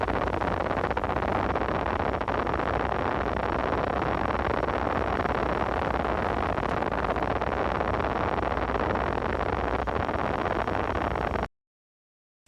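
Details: Needle EMG of small-amplitude, short-duration MUPs, the myopathic hallmark. They can also be seen in myasthenia gravis, Lambert-Eaton syndrome and botulism.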